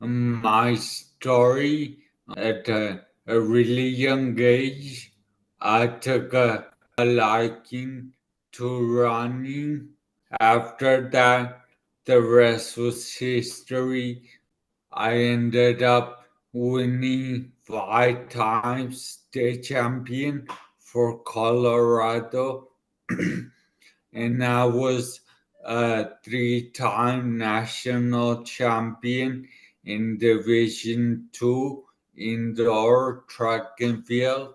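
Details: 40-year-old man about two years after a right-hemisphere ischemic stroke affecting his left side and part of his tongue and mouth, who relearned to speak: dysarthria after stroke.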